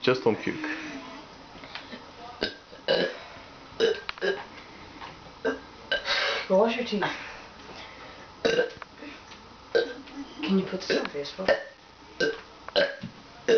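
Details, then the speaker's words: Boy's run of about a dozen loud, low, croaking deliberate belches over fourteen seconds, quiet room noise between; burping. "Facebook D those are dirty burps Man Dirty you dirty bus"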